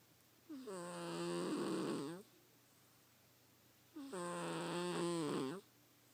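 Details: Snoring: two long, vibrating, slightly whistling snores about three and a half seconds apart in a quiet room.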